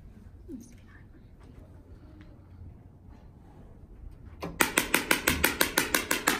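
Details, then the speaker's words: Extracorporeal shock wave therapy on a lightly sedated, nervous mare with a slow-healing small skull fracture and bony callus from a suspected kick; 500 shocks to a small area: quiet room, then steady sharp loud snapping pulses, about three a second. "she just has a little bit of sedation on board so once we start the treatment it's pretty noisy the treatment is based on number of shocks typically horses get a thousand to 1,500 shocks"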